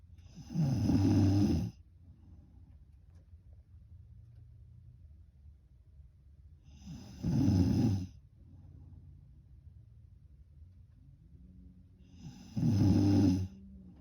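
Three loud, rough snores about six seconds apart, roughly 10 breaths a minute, with quiet breathing between; steady snoring in sleep.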